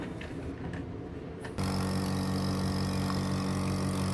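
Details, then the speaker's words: A repaired piston nebulizer compressor, fixed by rejoining a broken wire, runs normally: handling noise, then a steady, loud, rapidly pulsing motor hum. "Well, it's working now. Let's see if it gives enough air pressure. Yup, it's all working."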